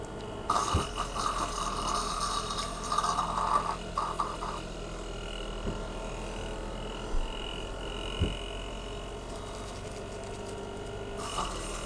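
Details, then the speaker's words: Woman carrying much mucus after a breathing treatment: a mechanical cough assist machine forces air in then pulls it out to cause a cough, heard as steady airflow, whooshing bursts and abrupt thumps. "ow us normal people caught it actually forces they're in and then pulls their out to to cause a cop effect"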